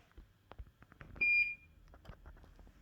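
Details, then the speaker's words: An IV infusion pump alarm in a hospital room, less than 24 hours after large bowel removal for bowel cancer. A single high electronic beep over quiet room noise; the patient may have dislodged the line in her arm. "That beeping is really loud. I'm not sure, because they said it should stop. It should beep when the thing's full. When it's empty."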